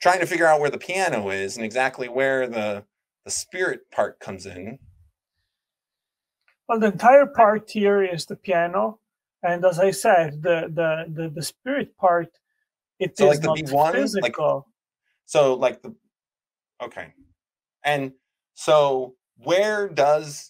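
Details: Wernicke's (fluent) aphasia caused by a stroke, with fluent but meaningless speech.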